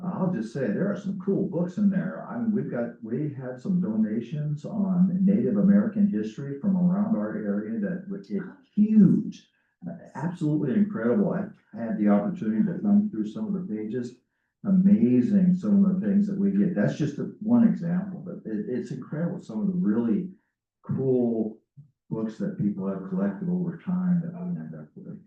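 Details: Adult speaker; Normal voice.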